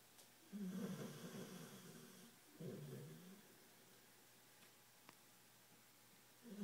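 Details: Tired pit bull dog asleep and snoring: two low, rattly snoring breaths over a few seconds, fairly soft against room noise.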